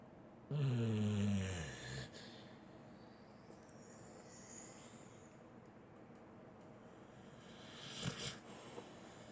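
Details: Sleeping female snoring: one loud, low rattling snore during sleep, then quiet breathing and a soft snort.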